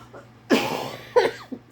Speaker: Sorry for the coughing guys.